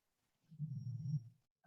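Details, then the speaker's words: A single low, rumbling, rough vibrating breath of about a second from a dog snoring in a quiet room. "so and if you hear the snoring behind that's my dog molly so it's not me"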